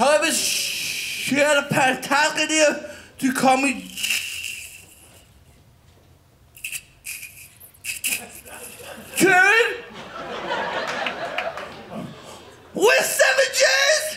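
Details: Adult male stand-up comedian who says he stutters, though not when whispering, and describes his body as having palsy; stuttering.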